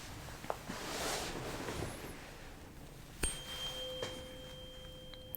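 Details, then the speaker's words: Simulated ASMR roleplay ear exam on the creator's father: Rinne hearing test, tuning fork sharply struck then placed on the mastoid process, clear steady ringing tone with soft rustling before it. "So I'm gonna strike it and put it on your mastoid process You tell me when you stop hearing it"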